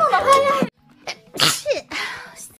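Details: Someone sneezes once: a short voiced sound, a breathy intake and a forceful hissing burst, then a softer exhale.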